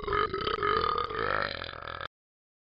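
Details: Simulated burp from the animated Talking Ben the Dog app character: one long, loud, voiced burp lasting about two seconds, then silence.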